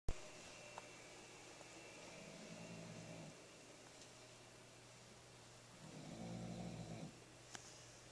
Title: Snoring pup.